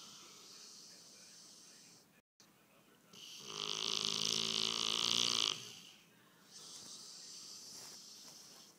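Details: A bullmastiff snoring in sleep, recorded on an iPhone: one loud, rattling snore in a quiet stretch, with softer breathing before and after.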